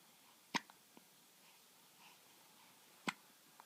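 Two sharp, brief gulping sounds about two and a half seconds apart in a quiet room, typical of hiccups.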